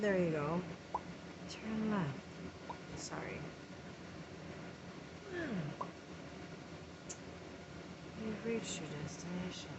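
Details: Tic attack in a person whose tics are worsening: repeated GPS-navigation-phrase vocal tics mixed with interjection tics; complex vocal tics.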